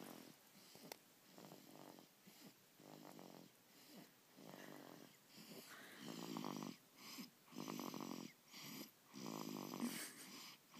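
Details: Very loud rattling snores with each breath, about 39 a minute, in a quiet room, almost sounding like a purring cat; snoring.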